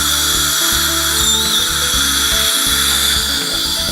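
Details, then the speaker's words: Loud, steady motor whine with a gritty rattling hum, starting and stopping: a dental prophy polisher applying gritty pumice paste during a full-mouth hygiene cleaning to remove stain. "so we're going to be polishing this hummus brightens up the stain and it removes the thin layer of glass that is on the most spacious piece"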